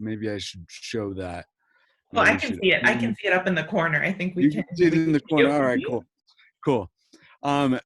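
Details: Adult man speaking; ordinary speech.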